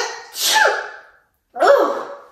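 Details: Woman faking illness as a prank on her boyfriend: a voiced, exaggerated "achoo"-style sneeze with a sharp in-breath; an acted, fake sneeze.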